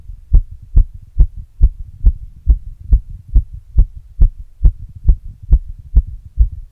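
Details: Adult's own heart sounds recorded after exercise using an earbud mic and a glass: steady, strong thumping beats at about 140 a minute, fast but regular.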